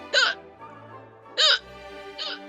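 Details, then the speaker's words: Hiccups heard during a gaming stream where everyone has the hiccups: three abrupt, high, voiced gulps in under three seconds, over quiet background music. "everyone's got the hiccups"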